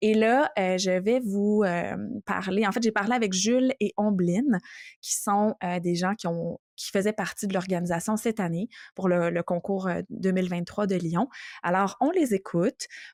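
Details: Adult woman speaking French; normal speech.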